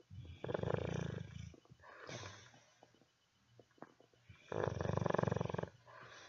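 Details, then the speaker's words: Sleeping dogue de bordeaux (French mastiff), a breed that snores even as puppies: loud, deep rattling snores on two breaths with softer wheezy breathing and snuffles between; heavy snoring. "the snores of a doggy bordeaux french mastiff something you will have to get used to"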